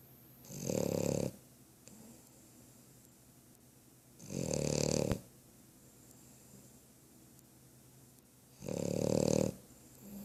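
Slow, regular snores, three in ten seconds, each a rough vibrating breath in sleep; ordinary snoring.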